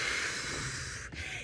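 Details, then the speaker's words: Adult nurse breathing hard right after a cardio session: long, hissing, blown-out breath prolonging expiration to offload CO2, a brief pause, then a fresh intake; pursed lip breathing. "And so our body is trying to clear that CO2. And when we do ped lip breathing, it extends that expiratory phase and allows us"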